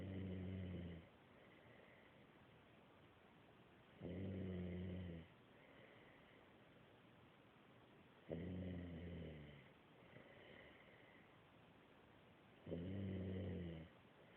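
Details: Snoring: low, rumbling snores on each inhaled breath, about 14 per minute, with softer exhalation and steady room noise.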